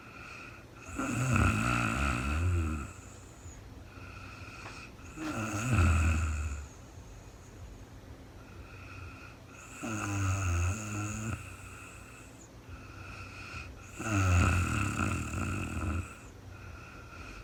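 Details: Real-time recording of a woman sleeping overnight after being very tired, no talking: slow, loud, rattling snores on each in-breath, about 14 a minute, with steady room hum between. Snoring.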